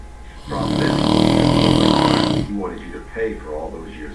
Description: Wifey thought it would be fun to record me while I was taking an afternoon nap!!! SO WHAT I SNORE!!!